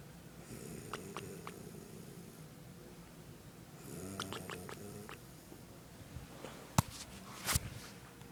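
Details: Elderly woman (grandmother) asleep at night, snoring: rough, rumbling snores with each breath and a few sharp snorts near the end.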